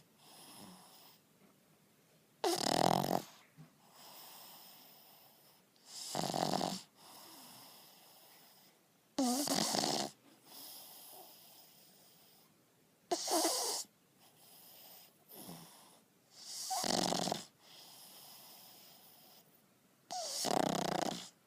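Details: Sleeping pug, a small flat-faced dog, snoring: loud, harsh snores on each in-breath with softer snuffling breaths out, about 17 breaths a minute.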